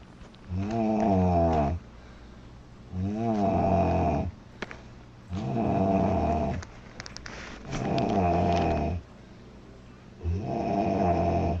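Loud, rhythmic, rumbling snores with each breath, about 25 a minute, separated by brief quiet pauses: heavy snoring.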